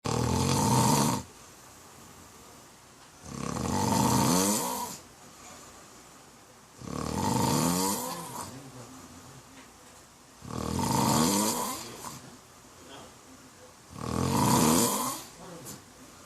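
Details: Middle-aged man snoring while asleep: loud, rattling snores on each in-breath, about 17 a minute, in a steady rhythm, heavy snoring.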